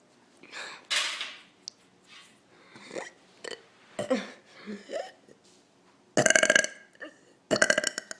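Several loud, rough belches, the last two long and forceful, with softer vocal sounds between them.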